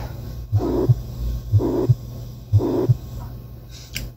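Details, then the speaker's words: Simulated heart sounds from an auscultation practice app, about 60 beats a minute, with a blowing murmur filling the gap between first and second sounds: mitral regurgitation murmur. "también va a haber patologías por ejemplo una estenosis mitral leve una estenosis mitral moderada o una regulación mitral"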